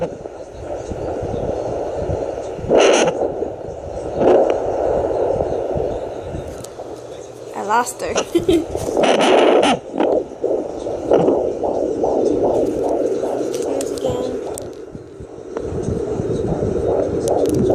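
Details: Pregnant woman using a home fetal Doppler on her belly. Rapid, regular whooshing pulses near 150 a minute break through static as the fetal heartbeat is found. The baby moves a lot, so it is hard to keep.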